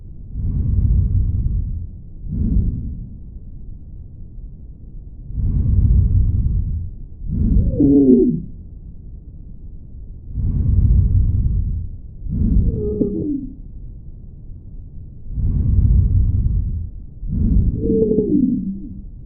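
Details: Sibilant wheezes (rhonchi): musical, whistling wheezes on each breath out, with breathing at about 12 breaths a minute.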